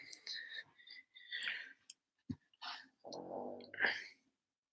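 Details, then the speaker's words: A pet dog named Hazel snores loudly in a quiet room during a recorded lesson: soft, breathy airy sounds, then one buzzing, rumbling snore near the end; snoring. "know if you guys can hear that but that's hazel snoring she's smart real loud"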